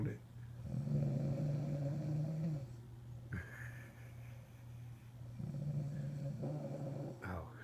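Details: Wife snoring after a hard day's work: deep, droning snores with a steady low buzzing pitch, each lasting a couple of seconds, with brief breaks between; loud snoring.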